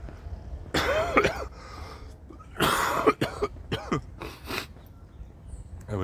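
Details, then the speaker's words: An adult recovering from flu gives about five harsh, throaty coughs in quick bursts with throat clearing. He is still hoarse and describes a tickling feeling at the back of his throat. "Oh man, it's like it's like a little devil is in the back of my throat with a little feather doing like this on my throat."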